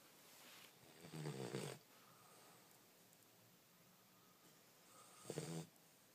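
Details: 11-week-old Cane Corso puppy snoring loudly while asleep: two rattling, snorting breaths about four seconds apart with quiet between; snoring.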